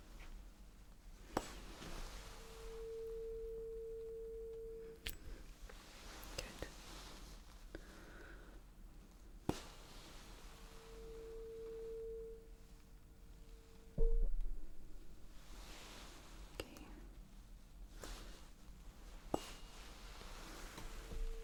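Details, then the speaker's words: Simulated (ASMR role-play) ear exam: a tuning fork tone sounds as a hearing test, with the listener asked, eyes closed, which side they hear it on. "I zamierzam nadawać ton tym kamertonem. Chcę, żebyś mi powiedział, z której strony słyszysz sygnał, dobrze?"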